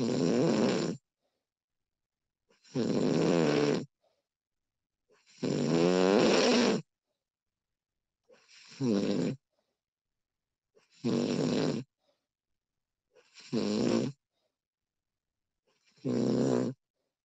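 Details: Snoring recording of a sleeping woman: loud rattling snores on each breath in, about 22 a minute, with silent pauses between.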